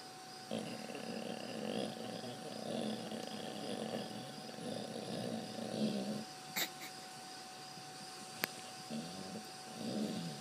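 Faint, soft rattling breaths in a slow rhythm over steady room hum; a sleeping dog snoring quietly.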